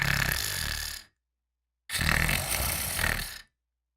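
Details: Repetitive, deafening snoring heard from bed, likened to a ripping machine or electric jigsaw: two loud, harsh, rattling breaths separated by a pause; heavy snoring.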